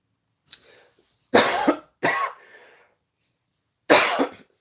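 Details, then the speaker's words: Adult with asthma who says she needs her inhalers: three harsh coughs with a short throat-clearing sound between them. "that asthma asthma cough I need my inhalers over there"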